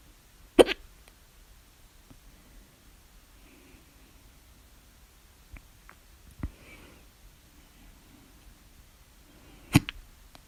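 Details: Three sudden, sharp hiccups in ten seconds, two loud (louder with mouth open), with faint clicks between; hiccups at 3:04 A.M. after overeating at dinner, mouth alternately closed and open.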